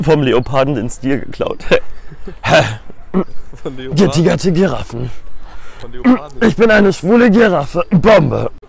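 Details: Vocal tics in a man with strongly pronounced Tourette syndrome, tics mimicking animal sounds and including words such as 'bombe' and terror-related words.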